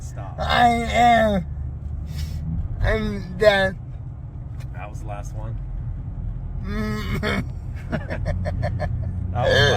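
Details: Person with cerebral palsy in a truck with hiccups, called hiccups but sounding like deep burps: short voiced gasping catches between bursts of laughter, with road noise in the background.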